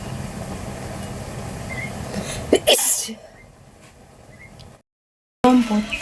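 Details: Outdoor sneeze: traffic noise, then a sudden sharp burst, an acted sneeze.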